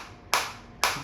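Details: Focused (not radial) shockwave therapy applicator demonstrated on the operator's own hand at intensity around level 10–11: two sharp, loud cracking pulses half a second apart as the device fires.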